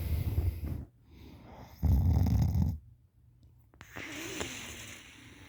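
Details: Two loud, low, fluttering snores with a wet, gurgling quality, then a quieter breath out; open-mouth snoring while passed out lying on the side, drooling.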